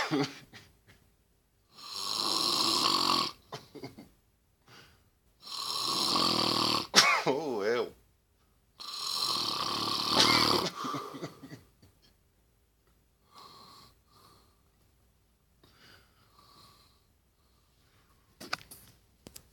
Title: The Mean Snore